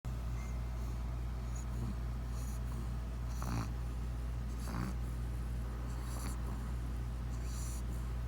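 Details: Snoring from a sleeping pug; snoring.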